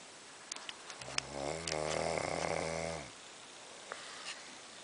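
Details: A man asleep in a dark room gives one long, loud, rattling snore with a buzzy low vibration, amid quiet room noise and faint clicks; snoring.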